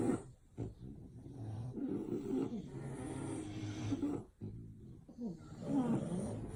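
Low rattling snores with snorting breaths, from sleeping flat-faced dogs.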